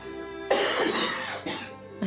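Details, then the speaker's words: Two harsh, chesty, productive coughs from an adult man with a returning cough, phlegm he cannot bring up, chest pain, restricted breathing and dizziness; the chest is then listened to during deep breaths. "chesty cough productive hey what do you mean productive coffee stuff oh yeah i can't get it up that's the problem"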